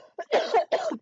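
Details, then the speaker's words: An adult speaker coughs mid-sentence while talking, then remarks that their lungs have been bad lately. "pretty good to me. God damn, my lungs hated me lately."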